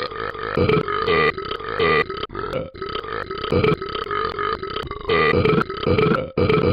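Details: Repeated belching, which the caption blames on eating bacon: a series of loud, long, rumbling burps with brief pauses between them.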